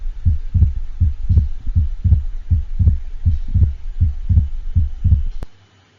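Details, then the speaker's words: Heart sound simulator: regular heartbeat about 80/min with fixed splitting of the second heart sound, as might be heard with atrial septal defect or pulmonary hypertension. "and the next thing we're going to listen to is the fixed splitting of the second harp sound as might be heard with either an atrial septal defect or pulmonary hypertension"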